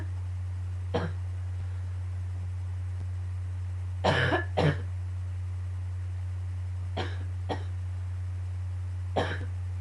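Six short coughs, some paired, over about ten seconds against a steady low hum: a bout of coughing.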